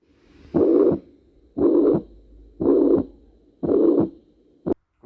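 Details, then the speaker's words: Auscultation at the mitral area, fifth intercostal space at the midclavicular line, during a cardiac manoeuvre demonstration: regular heartbeat about 58 a minute, patient on left side; normal heart sounds. "A continuación vamos a auscultar la válvula mitral, que se va a encontrar en el quinto espacio intercostal."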